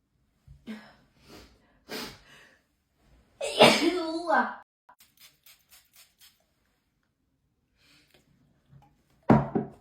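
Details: Hay fever sneeze attack: several sneezes in succession, one long and forceful, with quiet gaps and brief clicks between them.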